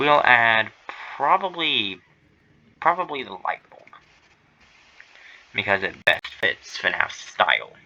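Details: Adult male streamer who says he stutters and that streaming, here his first stream, makes it worse; stuttering.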